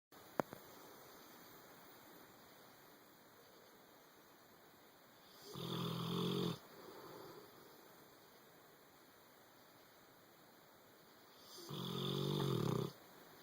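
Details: Boxer dog asleep on a bed, snoring: two long, harsh, rattling snores about six seconds apart, each over a second long, over quiet room noise.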